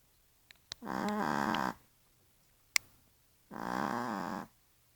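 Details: Small female Yorkshire terrier asleep in a quiet room: two drawn-out rattling snores about three seconds apart; snoring during sleep.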